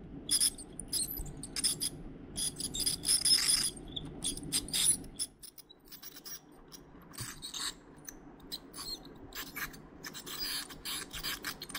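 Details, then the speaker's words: Veterinarian performing a dental scaling on an anesthetized 4-year-old dog with significant tartar buildup: scraping, rasping bursts with a high-pitched instrument hiss as tartar is removed. "yep so you can see significant Dental tar to build up here I'm going to start cleaning this side"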